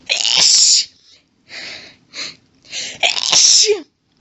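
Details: Woman's sneezing fit while reading a book aloud: a loud hissing sneeze, short breaths, then a second forceful sneeze ending in a brief vocal sound.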